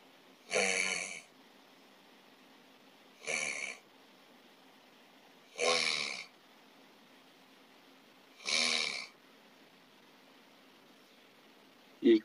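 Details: Simple snoring: an ordinary snoring sound, the first and mildest example in a series graded by worsening airway narrowing.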